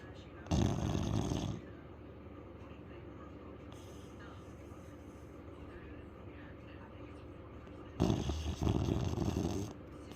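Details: Very loud, rough rumbling snores on drawn-in breaths with a quiet gap between; a dog snoring heavily in sleep.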